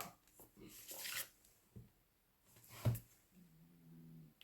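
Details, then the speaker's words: Pet named Nougat snoring in the background: a soft, low, droning breath sound near the end, with paper and handling rustles in a quiet room; snoring. "il y a Nougat qui ronfle, je ne sais pas si vous entendez."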